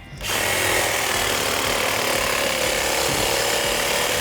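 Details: Sedated (darted) large whitetail buck whose antlers were causing problems: loud, steady whine and grinding of a power saw cutting through hard antler; antler amputation.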